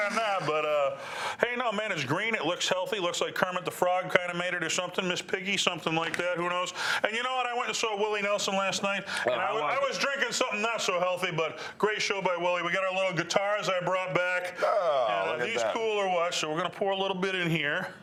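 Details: Adult man speaking; Normal fluent speech.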